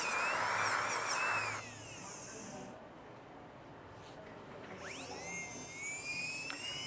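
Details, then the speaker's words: High-pitched dental handpiece whine, starting and stopping with shifting pitch, cutting the second inclination of a central incisor crown preparation over a glass-fibre post and resin core, recorded during a teaching class. "fazer a segunda inclinação aqui desse meu incisivo central."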